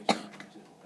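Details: A single short, sharp cough with a slight throat-clearing quality in a quiet room, from a sick vlogger who could not see a doctor and is taking a homemade honey, vinegar and cayenne cough remedy.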